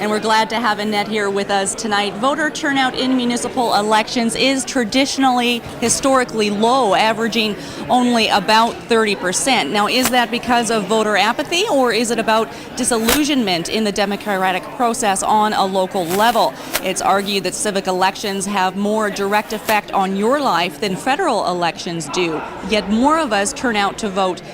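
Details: Adult woman speaking; normal voice.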